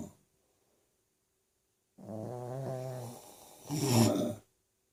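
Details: Pekingese dog snoring during sleep, described as louder than husband: silence, then a long vibrating low snore followed by a harsher, louder snorting snore.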